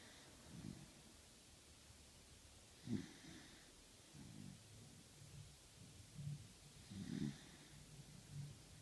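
Soft, low snuffling snores every couple of seconds over steady background hiss: light snoring in a sleeping dog.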